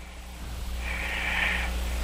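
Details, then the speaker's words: Radio call-in recording of a 17-year-old boy's sleep breathing heard over a telephone line: a single slow, deep breath with a soft hiss and no coarse snore; hosts describe deep sleep with slow respirations. "the depth of this the depth and the slow respirations"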